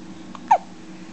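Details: Baby in a dark room with hiccups, making a single abrupt, squeaky hiccup over steady background hum; infant hiccups.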